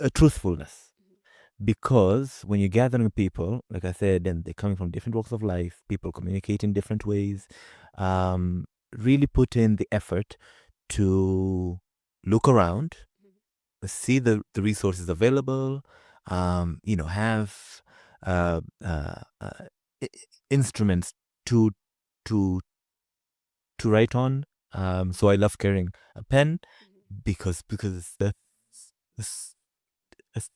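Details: Adult man with a stutter who works with a community of people who stutter; stuttering.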